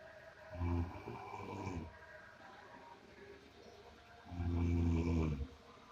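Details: Person snoring likened to a water buffalo: two loud, low, rattling snores on breathing in, separated by a quieter pause; deep, coarse snoring in a small room.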